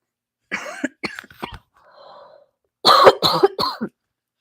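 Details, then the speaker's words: Adult woman with sore throat since Sunday, later fever, and sniffles: two short runs of dry-to-loose coughing, three or four coughs each, separated by a soft sniff or breath; acute cough with a cold. "Jane, though, you can probably hear my voice and my cough and my sniffles."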